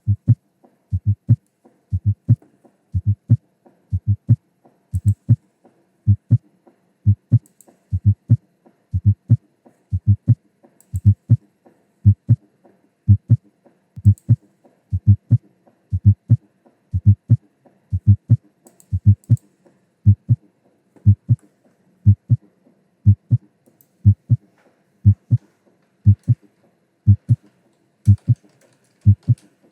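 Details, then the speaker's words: Low heart sounds at about 60 a minute in a teaching demonstration, each beat led by a soft, low-frequency extra late-diastolic sound from atrial contraction, like "TEN-nis". Fourth heart sound (S4), atrial gallop. "and when it is clearly heard it indicates an increased resistance to ventricular feeling sometimes S4 can occur normally if people older than 40 especially after exercise"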